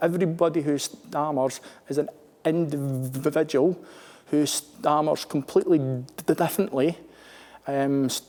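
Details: Stuttering (stammering) in a male British Armed Forces serviceman who stammers.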